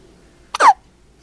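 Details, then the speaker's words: A 1-month-old baby boy with hiccups: one short, sudden voiced squeak with a quick catch before it, a single infant hiccup. "Somebody's got the hiccups. Huh? Oh. Got the hiccups?"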